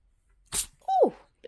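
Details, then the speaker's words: A Bengal cat, Bedford, sneezes once while sleepy, curled with his foot under his head: a sharp hissing burst followed by a brief squeaky nasal sound. "By the way, everyone, it's good luck to hear a cat sneeze."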